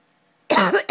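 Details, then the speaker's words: An adult deliberately gives a single brief, voiced cough after near-silence to see whether their pet cat reacts; the cat seems annoyed by coughing. Voluntary cough. "um apparently gabby doesn't like it when i cough what's wrong gabs i'm sorry am i disturbing you i'm sorry i'll try to stop"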